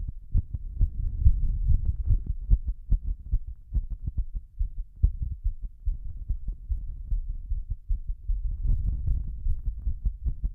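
Deep muffled thumping, fast and somewhat uneven, with low rumbling noise; a pounding heartbeat while holding the breath.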